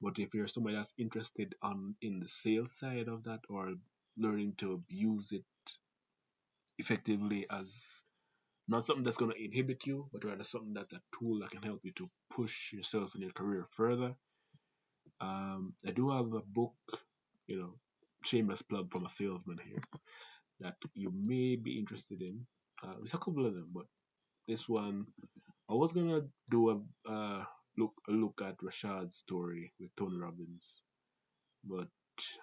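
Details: Stuttering in an adult Jamaican man who reports a stutter inherited through his family (grandfather, father, siblings), a fast speaking rate, and a sore throat that day; stuttering.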